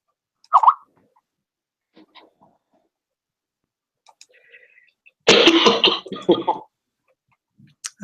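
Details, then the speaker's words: A short burst of harsh coughing with some throat clearing, among quiet gaps; cough. "can hear you coughing."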